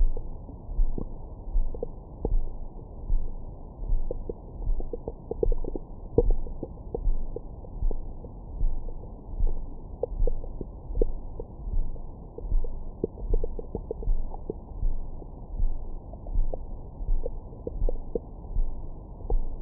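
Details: Bowel sounds recorded with a Stemoscope stethoscope microphone on the belly after a large meal: low rumbling with scattered gurgles and squeaks, ordinary stomach growling.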